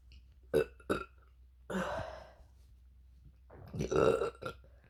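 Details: Three separate deliberate burps: two short low croaks, then a longer drawn-out one.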